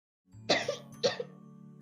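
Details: Two short, sharp coughs from an adult woman (a VTuber) during a livestream, with steady background music underneath; she mentions coughing again afterward.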